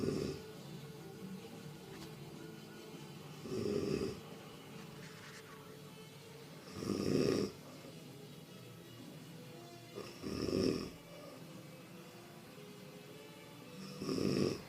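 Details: A sleeping woman snoring loudly, filmed by her partner: four loud, rough snores about 3.5 seconds apart, roughly 17 a minute, over a quiet hum; she snorted like a warthog, nearly stopped, then it came back sharply.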